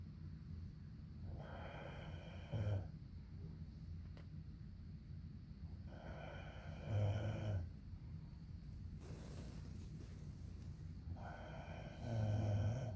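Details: Husband's loud snoring during sleep: deep, rattling snores about every 5 seconds, roughly 12 breaths a minute, over a steady low room hum.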